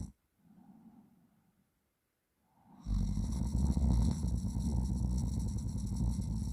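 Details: Sleeping person snoring, at first normally, then making weird snoring sounds while a friend plays around in their throat without waking them; the throat still hurts slightly afterwards.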